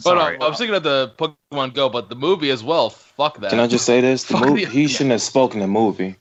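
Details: Adult man speaking; normal speech.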